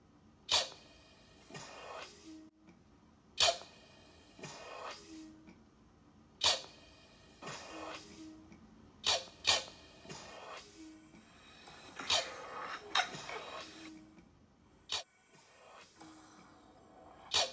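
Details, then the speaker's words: Eurus emergency ventilator, a manual resuscitator squeezed by a blood-pressure cuff, running on timing rather than pressure control and asynchronous with the patient's breathing efforts at 5 cmH2O: sharp click and hiss of the cuff filling and emptying about every three seconds. "okay so this is on timing great as opposed to pressure control and you can see that it's asynchronous"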